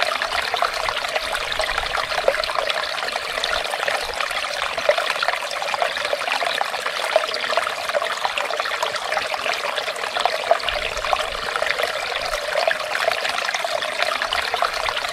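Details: Ear wax removal on a clinic client under microscope guidance: continuous trickling, watery hiss with faint crackles, consistent with irrigation or suction.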